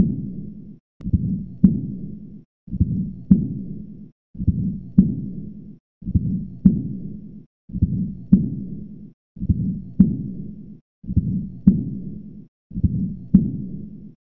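Regular heartbeat, about 36 cycles a minute, each with long rushing murmur sounds; aortic regurgitation murmur.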